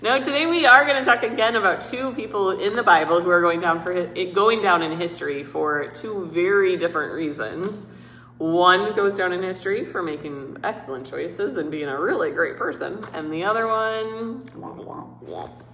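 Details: Adult woman speaking; normal speech.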